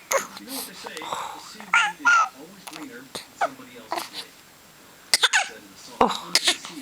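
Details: Two-week-old baby girl gurgling with soft vocal sounds between abrupt, sharp hiccups recurring about every second; she has hiccups every day, even in the womb, and they hardly bother her.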